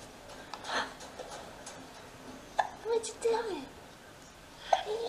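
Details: Infant girl with hiccups: several sudden, brief catches in her breathing, some followed by soft coos, in a quiet room; infant hiccups.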